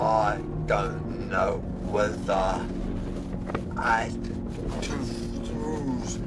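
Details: Man, 55, four months after a devastating stroke with right-sided weakness, in rehabilitation; barely able to speak, no fluency, hunting for words; non-fluent aphasia.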